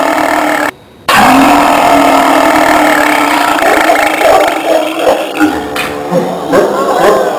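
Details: Young man: one long, loud, drawn-out rumbling burp lasting several seconds, with faint background noise; burping.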